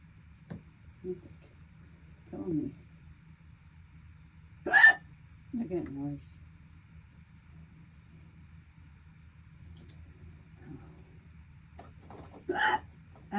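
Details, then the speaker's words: Prolonged bout of hiccups lasting over three minutes, described as painful: several short, abrupt hiccups at irregular intervals in a quiet room, with soft breaths between. "damn. They're getting painful. This is not noral. Holiday hiccups."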